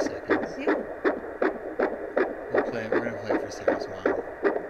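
Rapid, regular whooshing fetal heartbeat at about 158 beats a minute, within the normal fetal range.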